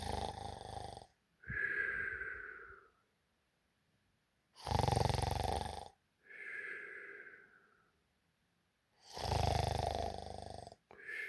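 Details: Loud, rough inhaled snores alternating with quieter breathy exhalations, about three breath cycles over eleven seconds: heavy snoring during sleep.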